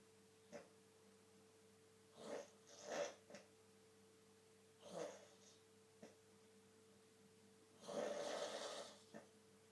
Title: Dad Snoring